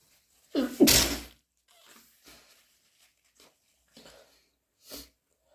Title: Coming down with a cold again! 2 snotty sneezes and a nose blow!